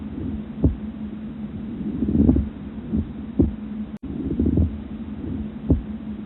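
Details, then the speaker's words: Pleural friction rub: creaking, grating, leathery sounds like two pieces of leather rubbed together, repeating with each breath over a steady hum, from inflamed pleural surfaces, most commonly from pneumonia spreading to the pleura. "These sounds have a leathery quality. This sound has been compared to the sound made when two pieces of leather are rubbed together."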